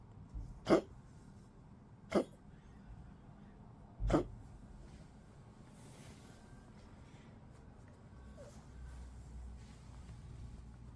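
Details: Cough from a 15-year-old Poodle, weak, sleeping a lot, coughing a little and eating little in cold 12°C weather; dog cough.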